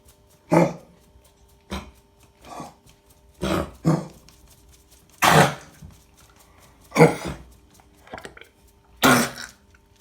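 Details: Repeated harsh, dry honking coughs from a cocker spaniel: kennel cough.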